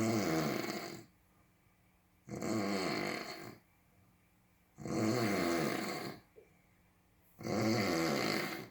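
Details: A cartoon snoring sound effect: four loud, rough snores with quiet pauses between them, about 24 a minute.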